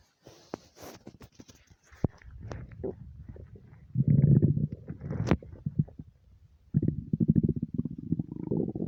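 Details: Nonstop stomach rumbling: gurgling, bubbling and low rolling rumbles from the belly in bursts, ordinary bowel sounds (borborygmi).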